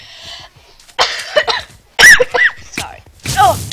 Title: I CANT STOP COUGHING